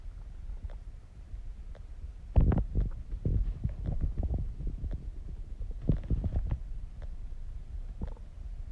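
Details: Stomach growling while digesting: low rumbling and gurgling from the belly in irregular bursts; ordinary stomach growling.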